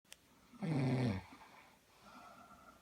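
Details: A sleeping person in a small room: a single loud, rattling, low-pitched snore on an in-breath, followed by quieter breathing. Snoring.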